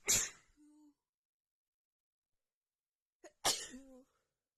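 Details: Woman sneezing from an itchy nose after dust from cleaning got stuck in it: two forceful, wet sneezes a few seconds apart, each followed by a short voiced sound.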